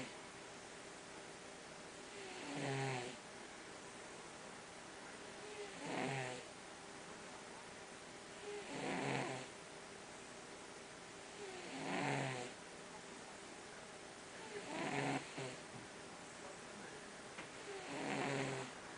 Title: Boy (tomcat) the relaxed Mouser snoring on the Job.